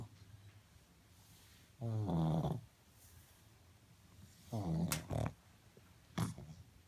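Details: Pug dog asleep: loud, rattling low snores from a flat-faced breed, a few seconds apart, with quiet gaps between breaths.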